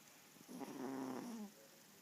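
A single rough, vibrating breath lasting about a second against quiet room noise; a small dog's snore.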